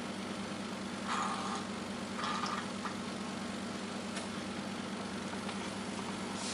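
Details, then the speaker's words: Steady suction-machine motor hum with brief slurping bursts as a Y suction catheter, passed through a Guedel oropharyngeal airway in an unconscious patient to clear tracheal secretions, is rinsed by suctioning water between passes; Yankauer suction also demonstrated. "then you can do it again like so removing all the debris and excretions that could be blocking the trachea and inhibiting your patient from breathing"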